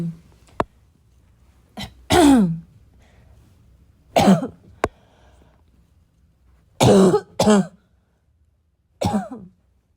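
About six separate bursts of coughing and throat clearing with quiet pauses between them, a coughing fit clearing the chest.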